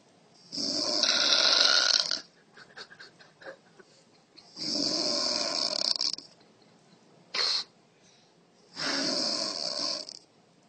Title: A child is afraid of his mother snore